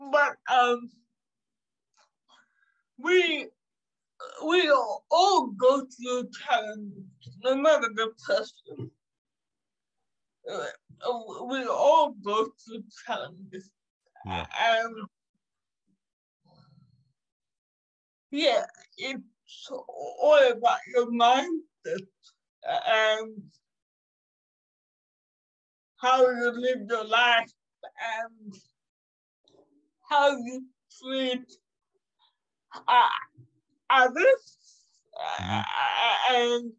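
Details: 27-year-old woman with cerebral palsy caused by severe neonatal jaundice; doctors predicted in childhood she would never walk or talk; she says it makes her sometimes speak and move differently; dysarthria (cerebral palsy).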